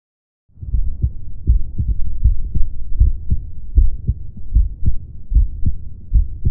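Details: Own heart recorded with a homemade electronic stethoscope (stethoscope head with microphone): regular paired lub-dub sounds at about 79 beats a minute; normal adult heart sounds, S1 and S2.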